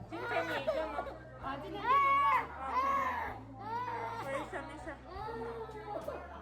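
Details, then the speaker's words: A young boy cries during a vaccination at a hospital in China: loud, repeated, distressed wailing bursts from pain and fear, with room noise behind. "at this point my heart breaks to watch him cry"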